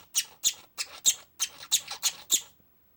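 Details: Pet parakeet with pneumonia, which also had slight worsening wheezing and a clicking noise with each breath: eight quick, high, squeaky cough bursts in about two and a half seconds.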